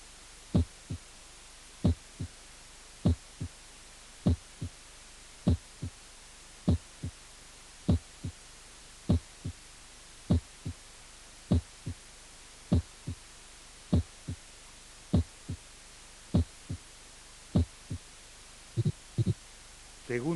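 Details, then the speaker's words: Normal heart sounds with a loud first heart sound. "y ruidos cardíacos normales 1 el primer ruido fuerte"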